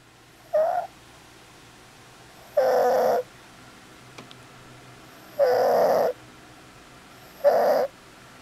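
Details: Child with stridor; harsh, high-pitched, crowing noises recur with each breath, typical of a narrowed upper airway.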